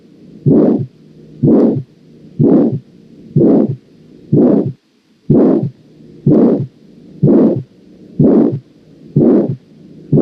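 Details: Aortic valve stenosis on auscultation: regular beats near 62 a minute, each followed by a harsh, rising-and-falling whooshing systolic ejection murmur.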